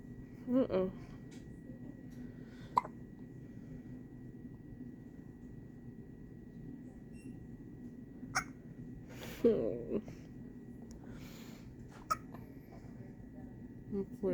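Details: Hiccups in a newborn baby boy: quiet room with a few loud, sharp, brief catches of breath at irregular spacing, about six over fourteen seconds.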